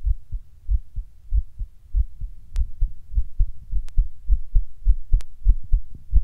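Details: Person sitting down when heart begins beating weird and hard, occasionally getting fast: loud, low heartbeats at about 100 a minute with uneven gaps and a few clicks; irregular pounding heartbeat, palpitations.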